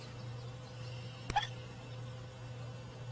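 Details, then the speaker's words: Baby bat that got hiccups after drinking: a single brief, sharp hiccup from the tiny animal over a steady low hum; hiccups. "okay I hope the ASPCA isn't watching I gave a baby bet the hiccups I"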